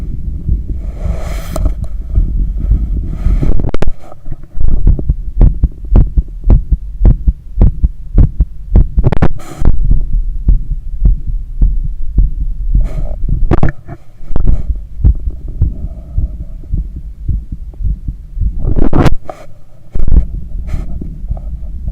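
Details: Heart auscultation during cool-down after a long run, with visible neck veins and pulse: strong, fairly regular low heartbeats over a steady hum and breath noise, normal heart sounds.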